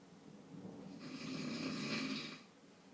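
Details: A father asleep and snoring: a single rough, rattling snore on an inward breath, rising and fading over about a second and a half.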